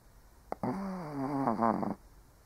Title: Doggo ASMR - 1 Hour of Snoring Shih Tzu (cute/old doggo sleeping)